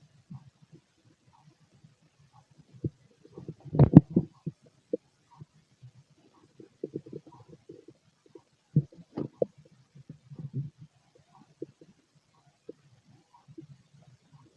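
Soft irregular gurgles and rumbles with a couple of louder bursts, typical active bowel sounds of an empty stomach.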